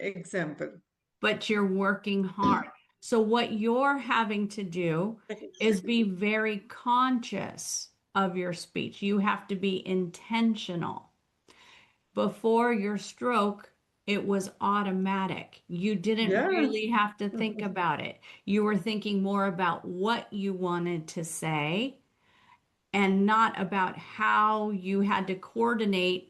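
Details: Adult woman speaking; typical speech.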